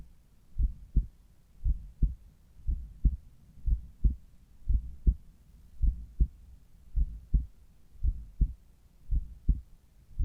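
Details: Morning heart sounds at the apex through a Littmann Cardiology IV stethoscope: steady, crisp lub-dub at about 56 beats a minute with no added sounds; normal apical heart sounds.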